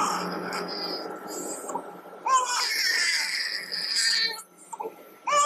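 An infant cries in strained bursts during a throat examination; the diagnosis is laryngomalacia, a floppy voice box.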